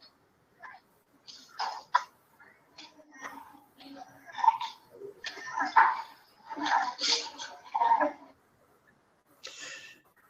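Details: Child in pediatric respiratory emergency with cough, difficulty breathing, reduced feeding, sleepless night, dullness and irritability: wheeze with respiratory distress.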